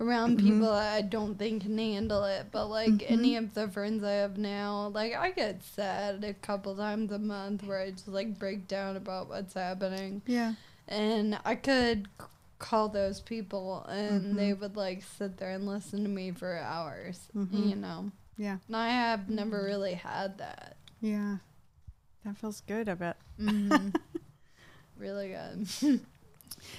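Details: 26-year-old woman with Friedreich's ataxia, a progressive genetic nervous-system disease affecting coordination and walking; ataxic dysarthria (Friedreich's ataxia).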